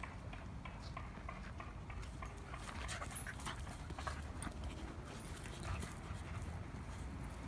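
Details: Fast, noisy, open-mouthed breathing from a dog, with clicks and movement in the background. Panting.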